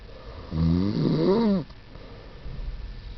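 One loud, deep, rumbling breath in a sleeper, followed by quiet; a single snore.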